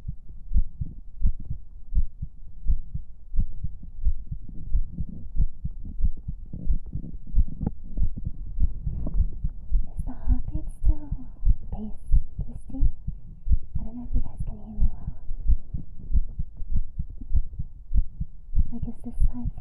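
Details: Heartbeat in an ASMR stream recorded with a 3Dio binaural microphone: steady low thumping at about 90 a minute with a constant hum, and faint soft voice sounds toward the end.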